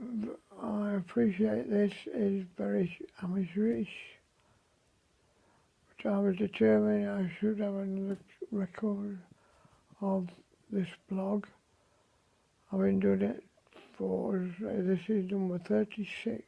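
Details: Severe dysarthria in a man after a stroke in early May, with very limited mobility; he says his voice is severely affected.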